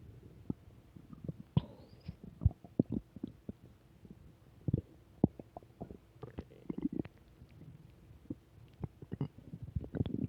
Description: I'm back with more belly noises